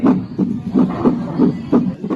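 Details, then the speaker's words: Fetal Doppler LT-800+ on a woman who is not pregnant, so it picks up her own maternal heartbeat: rhythmic whooshing pulses at roughly 85–90 beats a minute. "Karena ibu hamil ini tidak memiliki bayi, jadi detak jantung ibunya sendiri, Teman-teman."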